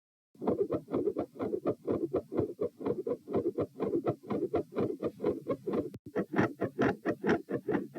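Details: Heart sounds recorded at position P with the subject standing, part of a same-subject study with patterns ranging from normal to continuous murmur: fast, regular beats, each blurred by a rough whooshing filling much of the gap between beats, a heart murmur.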